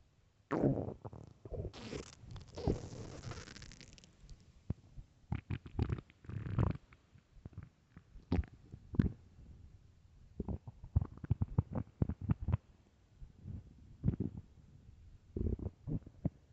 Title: extremely LOUD stomach growls and empty stomach (part 3)